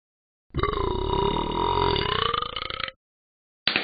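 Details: A virtual dog in a pet game, recorded on an iPod, burps and is slapped: a long, drawn-out, rumbling belch lasting over two seconds; burping.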